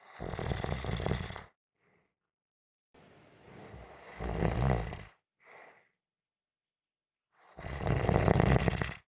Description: This is a 4 minute clip of gentle snoring.